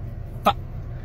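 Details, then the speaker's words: A single abrupt, brief involuntary vocal tic over low background rumble, from an adult man with Tourette syndrome. "most people just call me Tourette's and I have Tourette syndrome"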